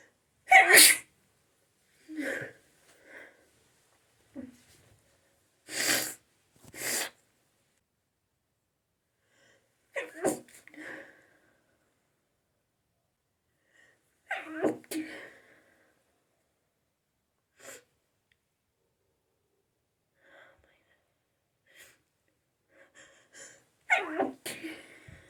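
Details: An adult sneezes repeatedly after a shower in a quiet room, a run of sharp sneezes with soft breaths between: sneezing fit.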